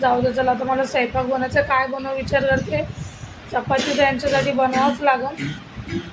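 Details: Adult woman speaking Marathi; normal adult speech.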